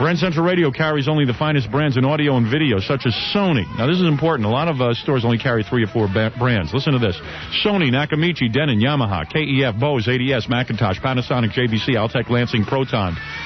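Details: Adult male radio host; normal speech.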